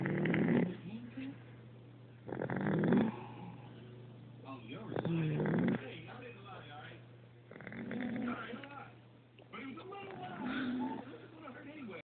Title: Snoring baby